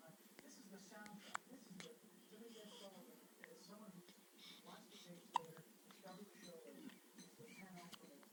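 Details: Hiccups: two sharp, brief hiccup clicks about four seconds apart over soft background talk.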